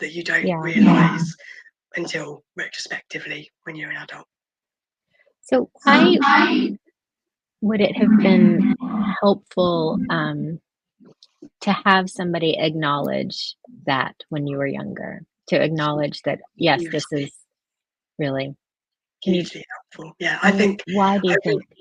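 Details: Vocal cord paralysis in an adult woman born prematurely, caused by ventilation during about 5 months in the NICU on a ventilator and oxygen.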